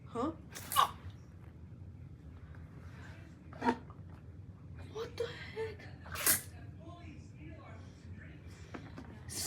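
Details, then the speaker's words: A brother sneezing in the speaker's face: several abrupt, explosive sneezes in a small room, with annoyed exclamations between them ("Stop sneezing! Jeez, so annoying. Sneeze somewhere else"). Sneezing. "Stop sneezing! Jeez, so annoying. Stop sneezing in my face. Sneeze somewhere else."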